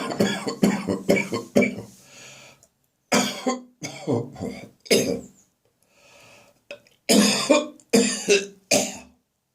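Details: Morning cough in a bathroom, now drier and less frequent: clusters of harsh dry coughs with throaty retching sounds between bursts, a dry cough bringing on gagging.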